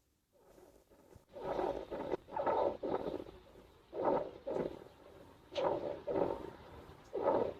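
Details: Rhythmic, breathy, low pumping snores, like a greenhouse pump, from a wild hedgehog sleeping in a garden nest box, with short bursts in pairs at roughly 19 breaths a minute.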